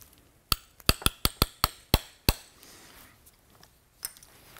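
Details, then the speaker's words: Seven sharp metallic mallet taps then one more, impacting the size 2 tibial trial component with an impactor during partial knee replacement surgery on a right knee. "All right, so our tibia is finished, so I'll take the size 2 tibia and an impactor."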